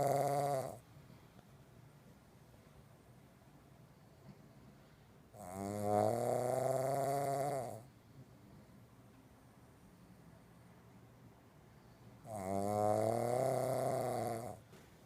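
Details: Sleeping pug snoring, said to be louder than a human: long, loud, buzzing snores about every six to seven seconds, with quiet gaps between.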